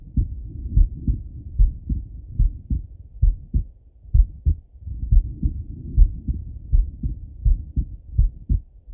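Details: Male heartbeat by stethoscope while lying on his left side; clear, regular lub-dub at about 75 beats a minute.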